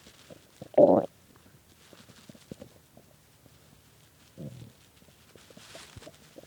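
A brief loud gurgling growl, then quieter bubbling rumbles from the belly: ordinary hunger growling.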